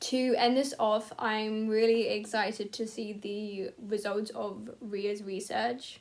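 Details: Young female speaker with a stammer, who says it has become harder to cope with as she gets older and that her anxiety has increased; stuttering.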